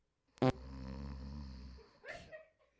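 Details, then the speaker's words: Person snoring in sleep: a click, then a low buzzing, vibrating snore lasting over a second, followed by a softer breathy sound. "This is what happens when I'm sleeping. All right, I'm laying there watching TV, and that's what I hear. A little snoring."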